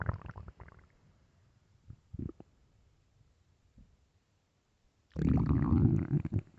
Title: am I hungry? (stomach growls)